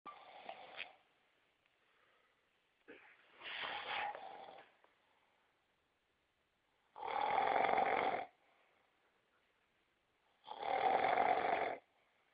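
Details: Loud rattling snores, four in about 12 seconds with quiet gaps, from a sleeper; ordinary snoring.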